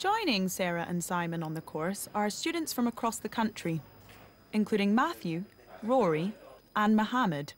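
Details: Adult female narrator; typical speech.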